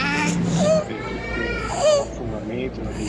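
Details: Inspiratory stridor example from an otolaryngology lecture on laryngomalacia in children; high-pitched noisy breathing from supraglottic airway obstruction.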